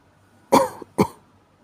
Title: 風邪の咳 caught a cold cough